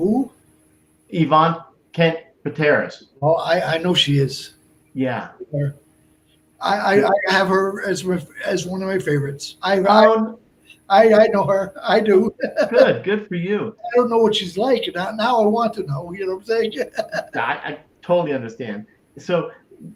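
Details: Man about 57 years old, over 8 years after a stroke at age 46 (March 2011), also a heart transplant recipient; Broca's aphasia.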